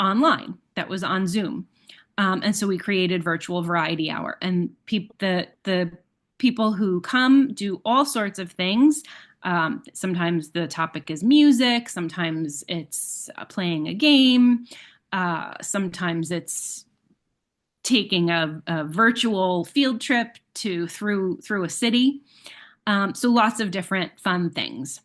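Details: Adult woman speaking; normal speech.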